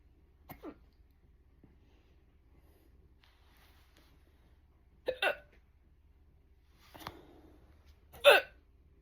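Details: Strong, fast hiccups recorded from a stomach view: four abrupt, short, gulping hiccups a few seconds apart in a quiet room with a faint low hum.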